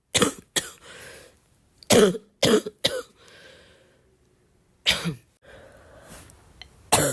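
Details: A girl gives seven sharp, dry cough bursts in small clusters, with quiet breaths between; a plain cough.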